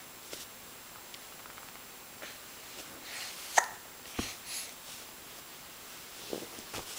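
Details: A person has hiccups: several brief, sharp, quiet catches in a quiet room.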